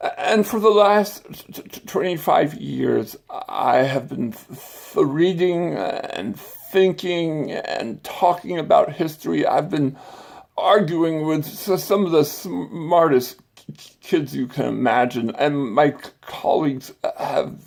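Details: Adult man with acquired stuttering and a speech impediment following brain surgery with complications the previous summer.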